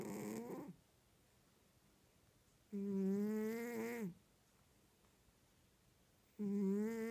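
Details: Sleeping cat snoring: repeated drawn-out, buzzy, tonal snores about every three to four seconds, separated by quiet pauses.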